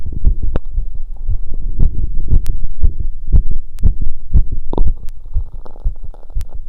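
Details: Stethoscope heart sounds after a 2 km run: fast, strong heartbeat about 118 a minute, normal post-exercise heart sounds.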